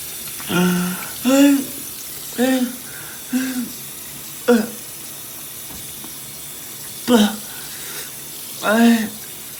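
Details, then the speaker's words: Choking spasm at the end of a hiccup attack, unable to catch breath: seven short voiced gasping catches at uneven intervals, running water behind; happens most days, sometimes 2–3 times daily. "That was a video of me choking, couldn't catch my breath. That was the end of it."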